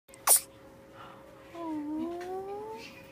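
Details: Mustang's first sneeze: one short, sharp sneeze, then a thin, rising whiny cry over a faint steady background hum.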